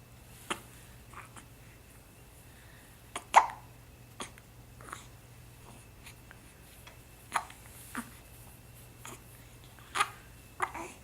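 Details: Four-week-old baby with hiccups: small, soft, repeated hiccup sounds about every one to two seconds in a quiet room with a faint hum; ordinary infant hiccups.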